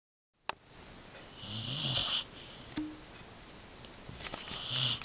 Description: Scout the dog cozies up and snores it out during a winter storm.